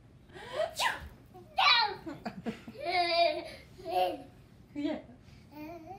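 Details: Grandma gives one loud, explosive sneeze, followed by bursts of a baby's giggling laughter; sneeze.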